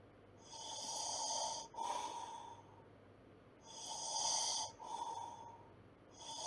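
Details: Light snoring in sleep: airy, hissing breath sounds in regular cycles, about 25 a minute, with a faint steady tone over them.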